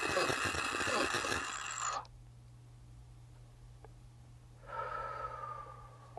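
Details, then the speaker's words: Audible breath out, a pause, then another breath as the patient exhales before inhaling from a HandiHaler dry powder inhaler, in a COPD patient-education technique demonstration; exhalation before inhaler use. "And then I'm going to exhale."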